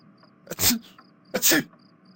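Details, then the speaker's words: Simulated, acted sneeze performed as a prank on a sleeping person: two sharp, hissing sneeze bursts close together over faint background chirping. "I will sneeze on Joseph so he will never know that it's me."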